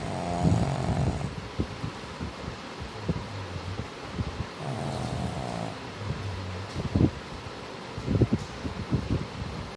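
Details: Pug dog snoring heavily: loud, low rattling snores with snorting, wet bursts over two long breaths, against steady background noise.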